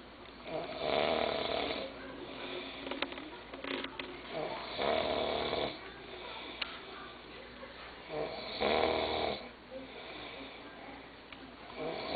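Loud, rattling snores about every four seconds, with quieter breaths between. Adult snoring.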